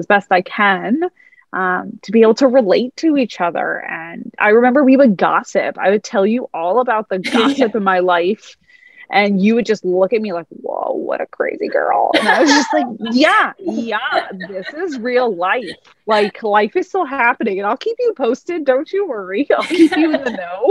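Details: Adult woman speaking; Normal fluent speech.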